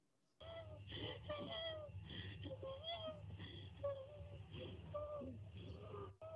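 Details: Simulated chest sounds on a training manikin (PLAB2 SimMan): repeated high-pitched musical expiratory wheezes over a low hum, as heard in bronchial asthma.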